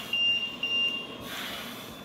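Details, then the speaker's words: LTV 1200 travel ventilator: a steady high-pitched alarm tone sounding twice, one that will not stop until the problem is addressed. "alarm will not will not cease until you address it okay so it's an it's one of the most annoying alarms in the business"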